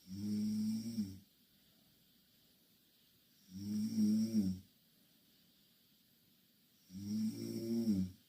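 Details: Loud snoring from two Korean girls sleeping in the same bed: buzzing snores with each breath in, about 17 a minute, separated by quiet pauses.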